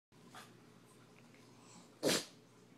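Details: Female pug sneezing in a quiet room: a soft snort, then one sharp, explosive burst of air, a single sneeze.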